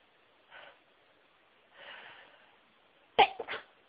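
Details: Two breathy build-up inhalations, then a sharp, partly stifled sneeze with a quick follow-on burst; from a recording of varied sneezes, including high-pitched, stifled and into tissues.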